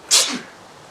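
A single sharp, hissing burst of air with a brief falling tail: an acted sneeze.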